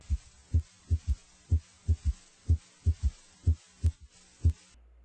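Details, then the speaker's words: Simulated third heart sound (S3): a soft, low extra sound after S2, heard with the bell placed lightly over the apical impulse; it disappears with firm bell pressure. "if the patient had an audible s3 it would sound like this now notice how the third sound disappears when the bell is placed more firmly on the chest wall"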